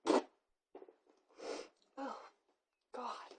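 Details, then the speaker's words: Person doing a sneezing challenge, provoking sneezes with a rolled tissue in the nose: one loud explosive sneeze, then softer breathy and voiced sounds as the sneeze reflex builds again. "so I guess we're just going to see how many times I can sneeze in like the next couple minutes or so okay so one oh God my sneezes sound really weird"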